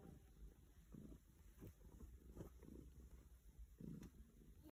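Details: A purring cat being stroked; low steady purring rumble with a few louder gurgling bursts of stomach noise at the beginning and middle: bowel sounds (borborygmi).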